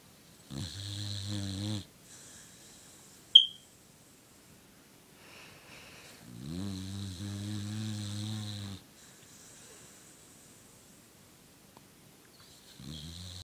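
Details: Male dog napping, heavily snoring and twitching, which he does all the time: slow, drawn-out low groaning snores of one to two seconds each, separated by long quiet gaps; snoring.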